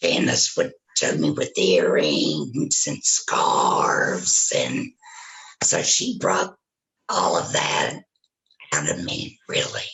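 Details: Woman who had a total laryngectomy for throat cancer, vocal cords removed, speaking with a tracheoesophageal puncture (TEP) voice prosthesis; tracheoesophageal speech after total laryngectomy.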